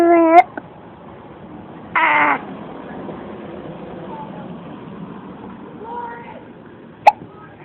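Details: A child's vocal sounds with a few abrupt, sharp voiced catches consistent with hiccups.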